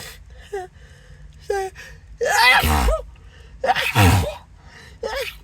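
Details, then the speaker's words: Acted sneezing fit: gasping in-breaths, then two forceful sneezes in quick succession with soft vocal sounds between; the sneezer reports a tingling, irritated nose and suspects an allergy. "oh my gosh oh my whole nose is just oh tingling and buzzing and"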